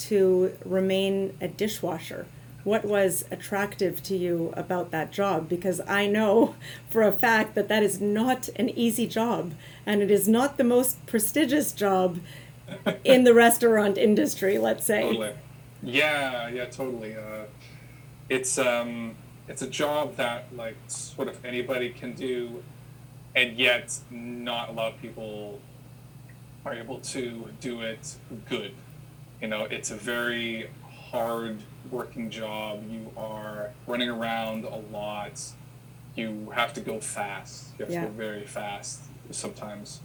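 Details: Adult who has stuttered since childhood and had childhood speech therapy; repetitions are audible; stuttering.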